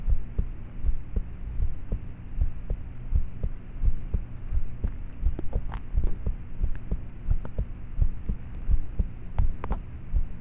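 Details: Own heartbeat of a teenager, about 13, recorded at night in a bedroom with a cheap MP3 player's built-in mic: quiet, muffled low thumps at about 85 a minute under hum and rustle; normal heart sounds, poor quality.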